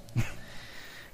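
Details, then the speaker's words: Loud snoring from a sleeping 15-pound Cavalier King Charles Spaniel after he was briefly woken; snoring. "these are my dog is snoring maybe if I put my microphone next to him you can hear him I just woke him up when he snores again I'll secretly put my microphone by his nose cuz he's he's a little dog he's like 15 pounds he's a King Charles Cavalier Spaniel but he's snores really loud"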